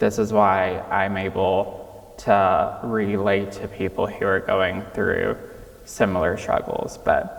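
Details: Childhood apraxia of speech in a 26-year-old man, diagnosed at age 5, nonspeaking until age 5, treated with speech therapy five times a week.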